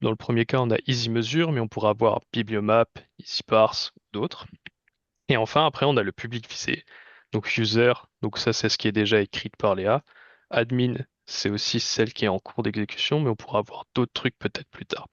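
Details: Adult male speaker; Normal voice.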